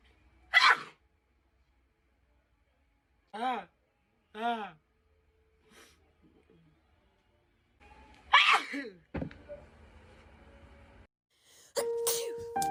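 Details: A young woman gives two sharp explosive sneezes with voiced 'ah' build-up breaths between them and electronic beeps at the end: ordinary sneezing.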